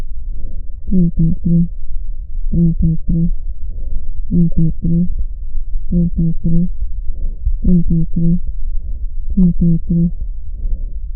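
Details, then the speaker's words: Voice auscultated over the chest wall: muffled, low-pitched murmur with no clear words, as normal lung tissue filters out the high tones of vowels; normal vocal resonance. "entre transmisión de la voz normal y para íntima pulmonar actúa como un filtro selectivo en el que se pierden los tonos agudos de las vocales escuchando sea la palabra en un murmullo de baja tonalidad"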